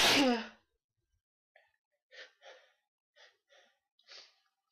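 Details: A bout of sneezing: one loud, explosive sneeze followed by several much fainter short puffs or small stifled sneezes in a quiet room.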